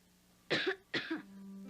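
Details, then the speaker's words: Two short, harsh, dry hacking cough bursts from a child, acted in a 1975 cough syrup commercial, against a faint steady background hum. "But dry, hacking coughs can irritate your throat, so they need special attention."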